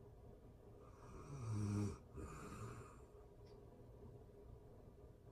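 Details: Real-time recording of a person asleep, excerpted from a longer session: one deep, rumbling snore followed by softer noisy breathing against faint room hiss; snoring during sleep.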